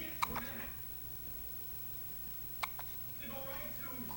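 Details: Two short, abrupt hiccups about two and a half seconds apart, with soft voices in the background.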